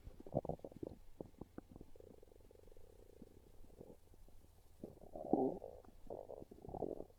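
Low, gurgling, bubbling rumbles with a drawn-out croaking growl; hunger stomach growls, a normal sound of gut movement.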